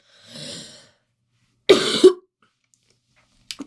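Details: Girl with a cold and sore throat coughing: a breathy exhale, then a sharp cough burst with a second short push.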